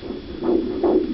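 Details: Fetal heartbeat of a baby, heard for the first time on Doppler: two quick whooshing pulses at roughly 140 beats a minute.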